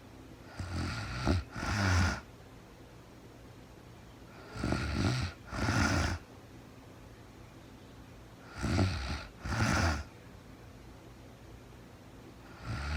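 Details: Real-time recording of a woman asleep at night after being very tired, no talking, described as REM sleep: loud, rough snores in paired bursts on each breath, about 15 breaths a minute, with quiet pauses; steady snoring.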